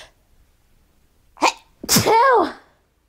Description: woke up this morning and couldnt stop sneezing so i thought i would record :)